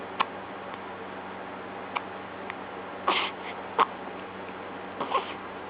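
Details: 2-week-old newborn girl with hiccups: short, abrupt catching sounds every second or so, some paired, over a steady background hiss.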